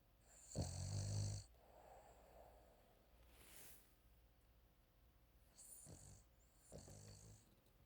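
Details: Sleeping Frenchton dog (French bulldog–Boston terrier mix), startled: low rumbling snores with a couple of snorting breaths and faint room noise between; snoring.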